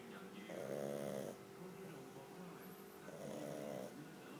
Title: pug snore